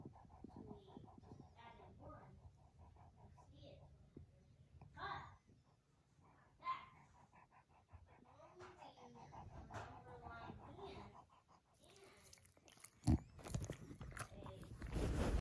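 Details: Bulldog heavy panting, rapid noisy breathing with wet snuffling and rough throat noise, ending in louder handling sounds.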